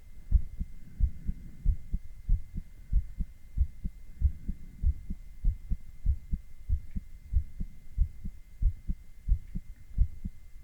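Regular lub-dub heartbeat at about 90 a minute with a faint steady high tone in the background; ordinary heart sounds.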